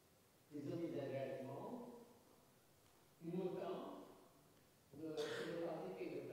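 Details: Older clinical recording of a male patient with a very spectacular case of fluent Wernicke's aphasia, with anosognosia, massive phonemic paraphasias and noun substitutions; an examiner's voice is briefly heard. Finding: Wernicke's aphasia (jargon aphasia).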